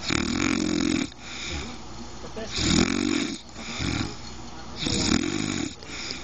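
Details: Adult woman (wife) snoring: loud, rough, rattling snores repeating every couple of seconds, with quieter breathing between them.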